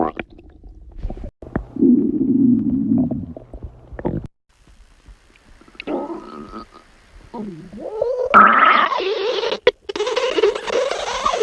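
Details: Long gurgling, rumbling and squeaking stomach growling with shifting pitch; ordinary borborygmi.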